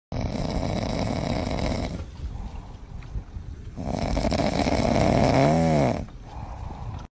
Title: For those who snore like this 🤣🤣